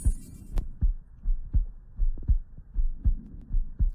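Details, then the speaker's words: Regular low lub-dub heartbeat at about 80 beats a minute with no murmur, recorded with an Eko smartphone stethoscope that labels it normal; normal heart sounds. "hear that playing again that's a normal heartbeat you can tell because it says normal up there but it also sounds normal"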